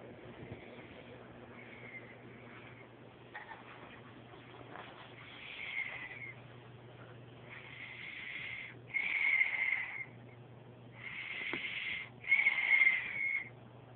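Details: Noisy breathing during sleep, some breaths carrying a high whistling tone: wheezing.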